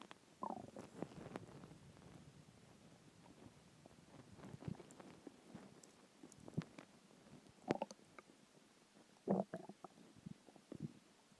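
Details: Hunger stomach noises after skipping lunch: low gurgling, rumbling and bubbling in irregular bursts; normal borborygmi.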